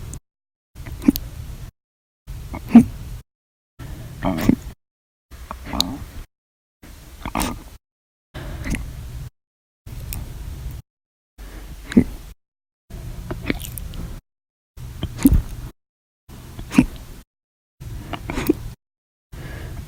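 Twelve sharp, abrupt hiccup sounds roughly every 1.6 seconds, each a brief gulping catch of breath, cut together with silent gaps: persistent hiccups.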